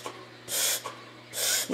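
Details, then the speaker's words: Female dog's reverse sneeze recorded up close: two loud, harsh snorting inhalations, a common, harmless event often mistaken by owners for a fit or choking. "basically this is what we call the reverse sneeze and it is not at all uncommon and typically it is a little scary to people the first time they hear their dog do it"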